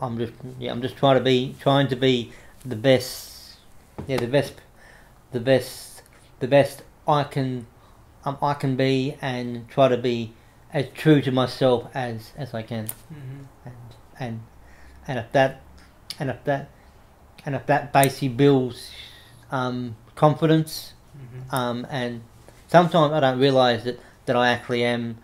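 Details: Adult man with cerebral palsy since infancy affecting right arm and leg, who reports a stutter he tries to control by calming down; stuttering.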